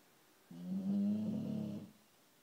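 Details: Female Shar Pei dog asleep early in the morning: one long, low, rumbling tonal snore lasting just over a second; snoring.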